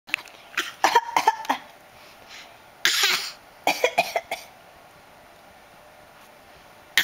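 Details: Cough.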